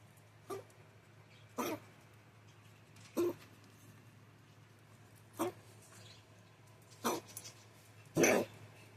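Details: Dog with "popcorn" coughing of unknown cause gives six short, harsh, bark-like coughs at irregular intervals over nine seconds, with a steady low hum behind.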